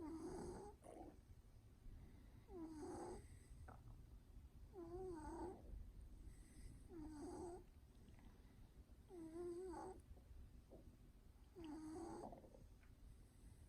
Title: Fat Louie the snoring cat